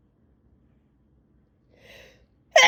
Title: Intense sneezing session